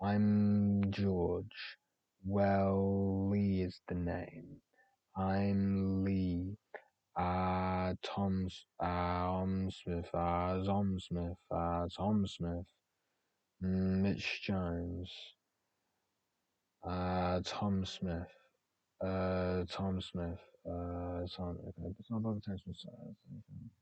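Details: Man who stutters practising a self-help method of inserting a filler before feared words, such as names, to avoid blocks: stuttering.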